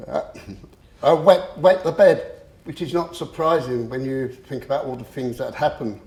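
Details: Adult man with a long-standing stammer who used to swap words and later controlled it with a breathing technique; stuttering.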